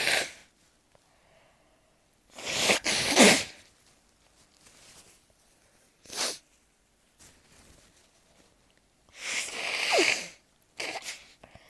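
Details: Sneezing fit while lying beneath a ceiling fan in summer, the sneezer's worst season: forceful, explosive sneezes in quick succession with quiet pauses between.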